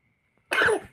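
A single short, harsh cough after silence.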